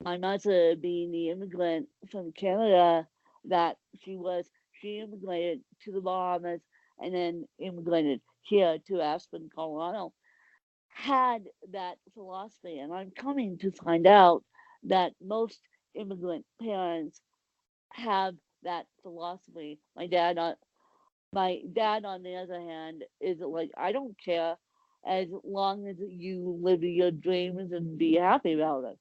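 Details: Adult woman with cerebral palsy; the specific speech difference is not named; dysarthria in cerebral palsy.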